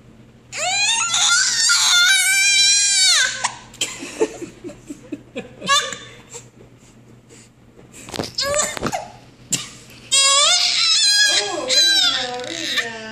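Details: Loud high-pitched fussing cries in bursts with short quiet gaps from an infant fussy with hiccups; an infant cry.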